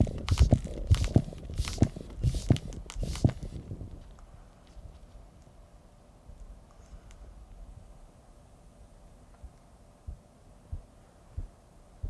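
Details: Blood pressure measurement with stethoscope at the cuff: rustling, then quiet, then soft regular tapping Korotkoff sounds appearing as the cuff deflates.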